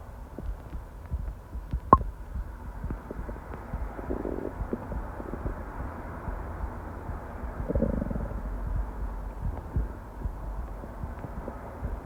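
Low rumbling gurgles over steady background noise, with two longer growls; stomach growling (borborygmi) from normal gut activity.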